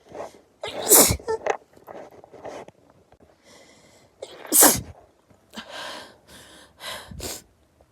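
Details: A rapid run of perfume-induced sneezes, two loud and several softer, with sharp in-breaths and sniffs between; a sneezing fit.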